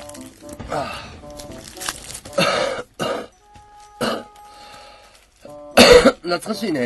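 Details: About four harsh, forceful cough bursts from an adult man who says he has had pneumonia with wheezing since yesterday, wondering if asthma or pneumonia, with background music; a cough with pneumonia.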